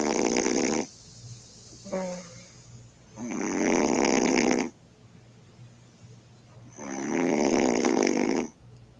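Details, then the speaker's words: Adult woman snoring while asleep, recorded by her boyfriend: loud, harsh rattling snores on each breath every two to three seconds, with a brief softer sound between; heavy snoring. "he says my girlfriend's snoring like a beast let's see"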